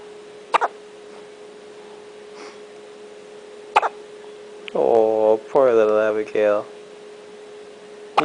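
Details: 1-day-old newborn baby girl with her first hiccups: two sharp, brief hiccup clicks, then short fussy cries over a steady room hum.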